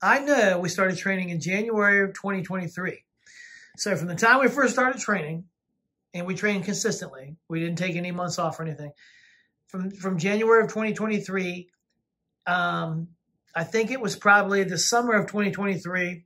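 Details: Adult speaker; ordinary conversational speech.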